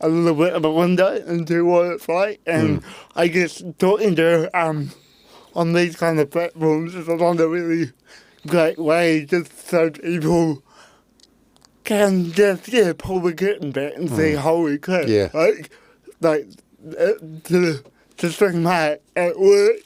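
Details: Adult man with cerebral palsy since birth; at birth his parents were told he would never walk or talk, and he had intensive therapy from birth to age six for walking and talking; dysarthria (cerebral palsy).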